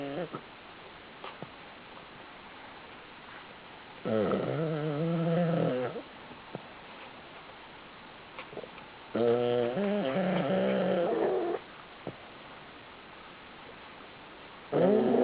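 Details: Pug asleep in a pile of pugs with mouth open, facial tics while sleeping: long, buzzing, wavering snores about every five seconds, roughly eleven a minute; loud snoring in a flat-faced dog.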